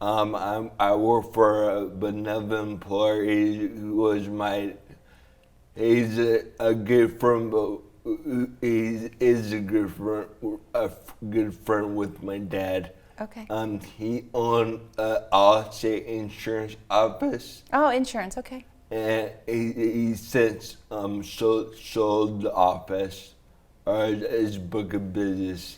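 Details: Man with dysarthria (slurred speech) after a traumatic brain injury from a snowboarding crash into a tree; damage around the brainstem and cerebellum; 1.5-month coma, then therapy to relearn talking, walking and swallowing; walks with a walker.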